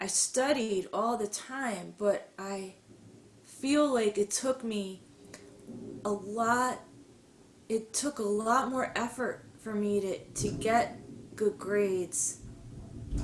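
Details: Adult woman who stutters, recalling high school speeches; attended a stuttering conference in 2010 and later had more speech therapy; stuttering.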